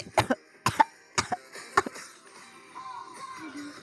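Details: A child gives several short, sharp coughs in quick succession while trying to sing, then faint humming, with music playing behind; cough.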